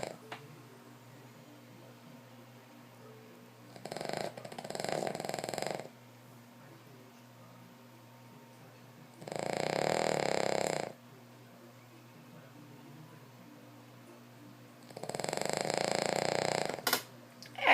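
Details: King Charles dog snoring while asleep: three long, rough, rattling breath sounds a few seconds apart over a steady background hum.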